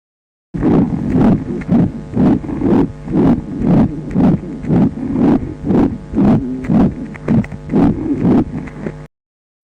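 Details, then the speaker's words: Ventricular septal defect: rapid regular heartbeat, about 120 a minute, with a harsh pansystolic murmur filling each systole, maximal at the left lower sternal edge, spreading over the precordium, not radiating. "We hear a pansystolic murmur. We know that pansystolic murmur is maximum intensity on the left lower sternal edge, LLSE."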